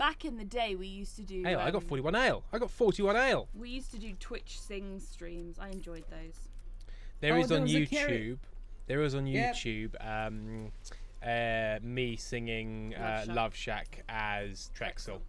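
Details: Male streamer with stuttering that he says is especially bad today, which he attributes to tiredness; word and phrase repetitions are audible.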